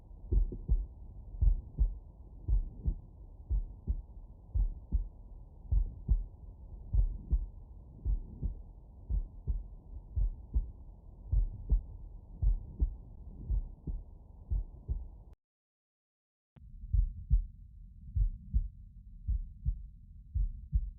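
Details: Normal heart sounds on stethoscope auscultation over the mitral area, with the subject lying on the right side: regular paired beats, about 55 a minute, with a normal rhythm.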